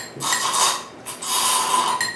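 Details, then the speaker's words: Demonstration of a hand-powered manual suction pump for oral suctioning, using raw eggs and blue water: two hissing, gurgling draws pulling fluid through tubing as the trigger handle is squeezed and held. "pull back the pump trigger handle in a squeezing motion and hold the squeeze for a few seconds in a few seconds to allow suctioning action to draw in the fluids"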